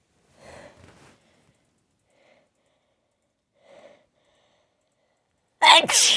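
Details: A single sudden, loud explosive sneeze after brief soft breathy sounds and quiet pauses, from a recording of repeated sneezes and nose blows.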